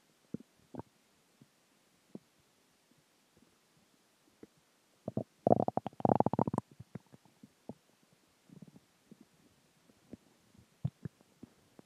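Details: Stomach growling after dinner, water and gas: scattered gurgles and pops with a longer bubbling growl in the middle; active borborygmi.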